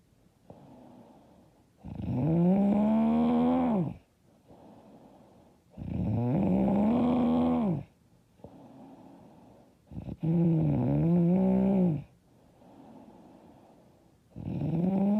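Loud, harsh rattling snores on each in-breath, about 15 a minute, with quieter out-breaths between; heavy snoring.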